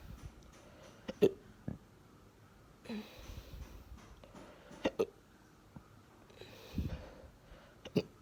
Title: Hiccups after breakfast